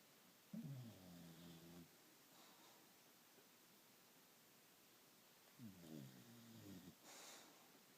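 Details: Bulldog snoring: two low, buzzing, rattly breath sounds about five seconds apart over quiet room noise.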